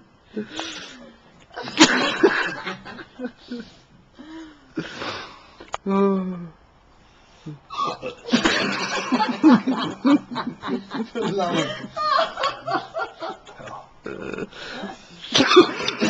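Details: Male person hiccuping repeatedly with short, sharp voiced catches, mixed with laughter from others; hiccups.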